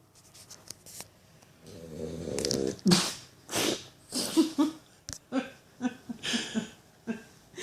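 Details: Poppy, a 3-month-old vizsla puppy, snoring while asleep: short snuffling snores and nasal snorts, irregular and soft, ordinary puppy snoring.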